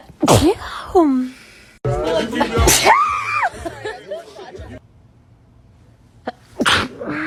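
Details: Sneezing compilation clip: several sharp, explosive sneezes with voiced gasps between them, mixed with talk and some music.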